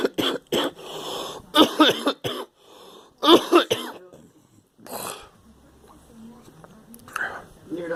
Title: I am coughing